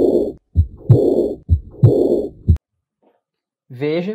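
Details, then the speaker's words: Heartbeat near 65 a minute with a rumbling murmur filling the longer pause after the second heart sound while the shorter systole stays clear; diastolic murmur in a cardiac auscultation teaching example. "que o intervalo sistólico aqui ele é menor e ele está livre então O sopro é na de asle mais uma [Música] vez"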